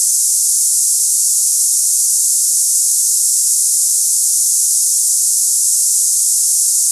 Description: Cicada hissing sound tinnitus sample for people experiencing ringing ears, buzzing sounds, hissing in ears, or cicada-like tinnitus noises.